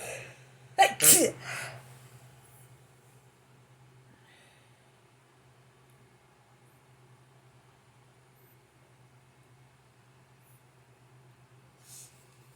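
A quick cluster of two or three forceful sneezes comes near the start, followed by quiet room hum.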